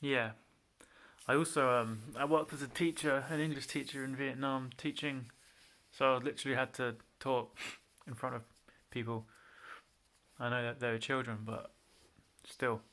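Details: Man with a mild stutter since childhood, worse when nervous; it usually shows as pauses before anticipated syllables, which he avoids by switching words, or as syllable repetitions; stuttering (mild).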